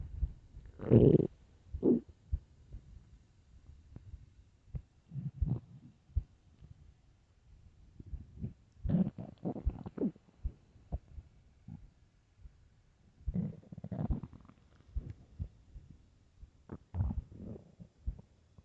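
Low gurgling rumbles and scattered pops coming in irregular bursts; ordinary stomach growling on an empty stomach.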